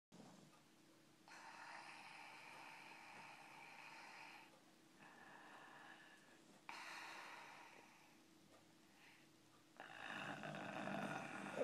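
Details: Dog snoring noisily in sleep: alternating hissing, airy breaths with a slight whistle and a snort at the end.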